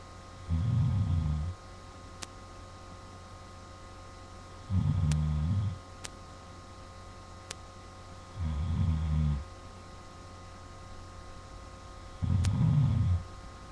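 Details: Adult man (a father) snoring: deep, rattling snores on each in-breath, about four in fourteen seconds, roughly 16 breaths a minute, with steady room hum between; snoring.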